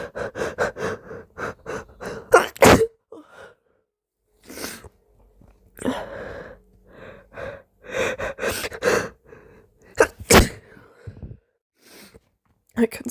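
Snorting, hitching breaths that build up and break into several wet, forceful sneezes, with sniffing between bursts.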